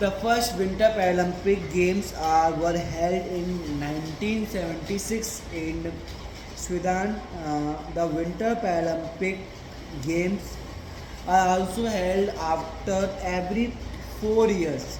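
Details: Man with a stammer reading a passage aloud as his daily stammering practice; stuttering.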